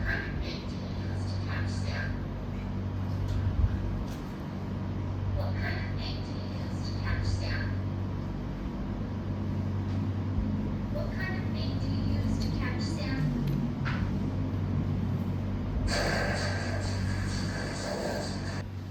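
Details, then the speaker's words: Simulated hearing-aid input for someone with hearing loss: muffled, distorted speech-like sound under a heavy low hum, described as like a blurry radio. "Oke, suara tersebut seperti kok kayak suara radio buram ya, gitu ya."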